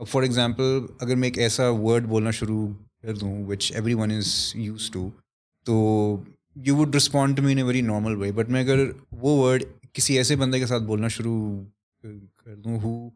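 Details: Stuttering in an adult male who tries to find alternate words as he speaks; worse when he is conscious of it.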